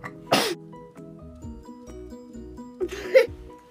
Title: SHE WON'T STOP SNEEZING